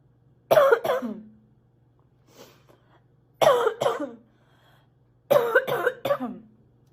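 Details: Sick girl coughing a lot: three bouts of harsh coughing, two or three coughs each, with soft breathing between, in a quiet room.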